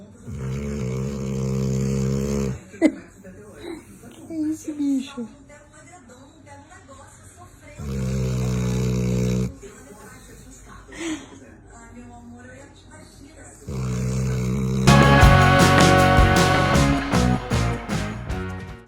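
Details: Sleeping pit bull dog: two long, low, rattling snores separated by quieter snuffles and breath noises, ending in louder rough noise; snoring.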